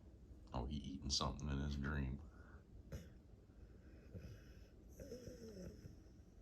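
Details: Tired dog asleep after a busy day, one loud rough rattling snore like a chainsaw, then quieter snuffling breaths in a quiet room; snoring.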